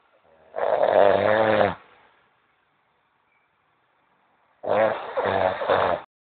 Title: SNORING MAN